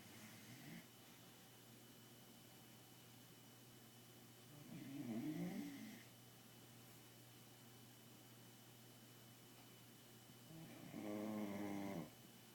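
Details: Bulldog puppy sleeping at home at night: two soft snorting snores over steady room hum, about ten breaths a minute; snoring.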